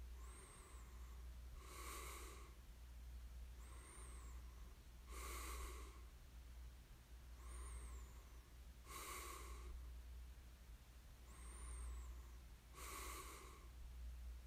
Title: [코 고는 소리 ASMR] 숨 소리만 들리던 날. The day I could only hear the sound of my breath.